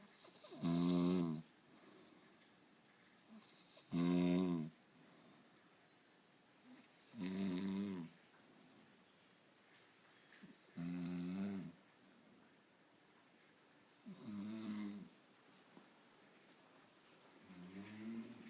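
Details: Adult man (husband) snoring while asleep: regular low, rattling snores on each in-breath, about 18 a minute, with quiet between; ordinary snoring.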